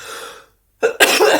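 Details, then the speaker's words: Adult recovering from pneumonia, coughing while talking, says the cough is less than last week; a cough that tickled the throat. "Excuse me, as you can hear, I'm still coughing."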